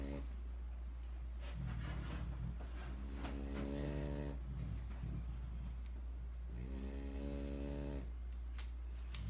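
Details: Repeated groaning, tonal snores over a constant low hum during sleep; snoring.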